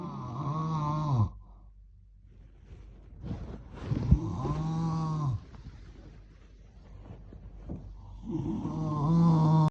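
Loud, low, rattling snores on the in-breath, three in under ten seconds, with quiet pauses between: ordinary heavy snoring.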